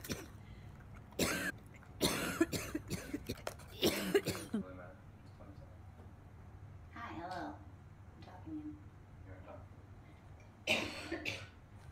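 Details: Girl coughing a lot: several loud coughs in quick succession, then quieter coughs and throat noises, in a small room.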